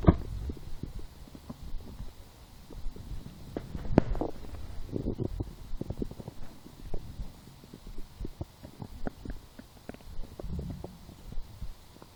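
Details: Bowel sounds (borborygmi) in a person lying down and hungry after skipping breakfast, a small lunch, then two doughnuts four hours later: continuous low rumbling with scattered pops and gurgles, stomach growling.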